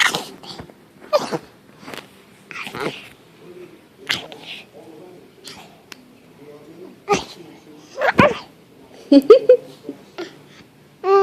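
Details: Fake, imitated sneezing: repeated short, sharp bursts of forced air with voiced catches, spaced irregularly.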